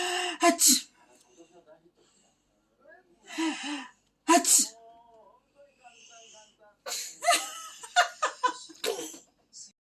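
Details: 8-month-old baby playfully imitating sneezes, airy bursts with voiced squeals and babble between; imitated sneeze, not real.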